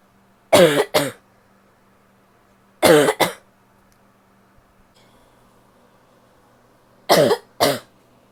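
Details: A female coughs in three pairs of harsh coughs, six in all; most are barky and some sound wet, in a quiet room.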